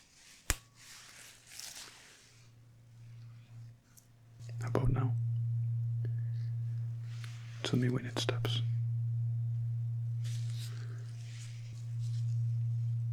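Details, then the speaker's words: Acted ASMR check-up, tuning fork struck and held near the ear for a hearing test: a sharp tap, then a steady low hum with soft whispered speech. "Now we need to test the hearing. Actually, I have this device. I will just tap it on it. Then you will hear something like this."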